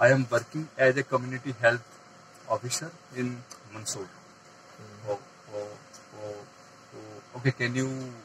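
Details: Adult man who stammers and says he gets stuck on words, trying to use techniques to manage the extra muscular stress while speaking; stammering.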